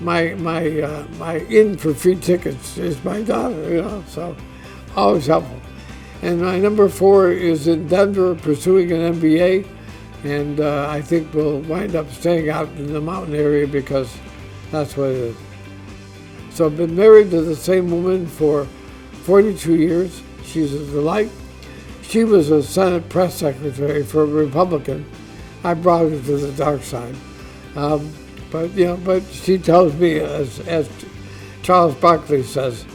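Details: Dysarthria in an adult man diagnosed with ALS (Lou Gehrig's disease), which he says is audibly affecting his voice; he expects only a few more months of being able to work.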